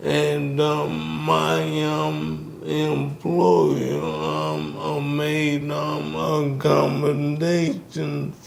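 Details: Man in his 60s with ALS; symptoms began in 2017 with a raspy voice, diagnosed in 2020; the disease started by affecting his speech, and he speaks with a delay; dysarthria due to ALS.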